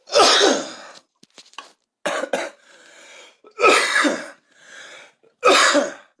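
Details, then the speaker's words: Persistent smoker's cough in a person who says they have smoked since age 10: repeated harsh, forceful coughs with noisy breaths between them. "hey I always cough though I've been smoking since I was 10 years old"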